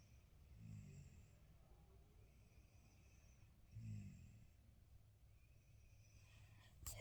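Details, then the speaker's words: Snoring from a woman who says she doesn't snore: two low, rattling snores about three seconds apart over quiet room noise. "She always says she doesn't snore. Can you hear that? Sounds like snoring to me."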